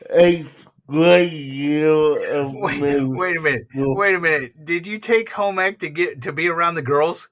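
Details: Adult male speaker; ordinary speech.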